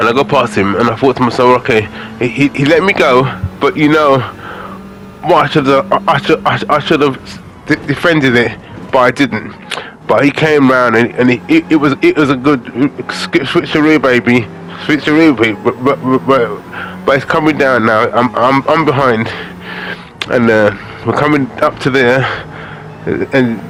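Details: Adult man with aphasia following a major stroke in August 2013, doing spoken gaming commentary as speech practice; repetitions and fillers audible; aphasia.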